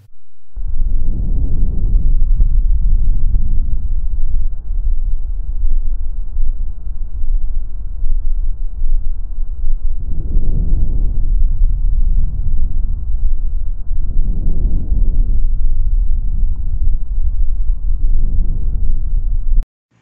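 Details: Normal vesicular breath sounds.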